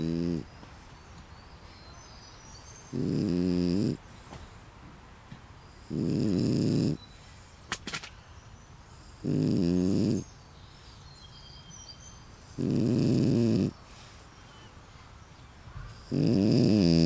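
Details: Stitch, a female French Bulldog, sleeping hard in a tent after playing at the beach, gives very loud, regular rumbling snores about every 3 seconds (roughly 18 a minute) with quiet pauses; snoring.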